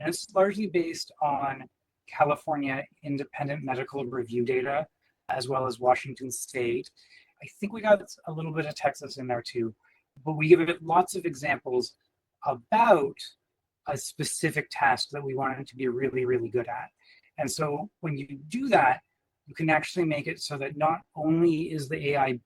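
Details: Adult man speaking; typical speech.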